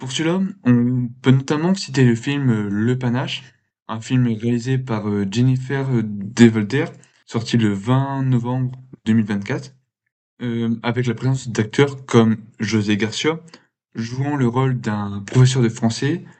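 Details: Man who has stuttered since he began to speak; stuttering.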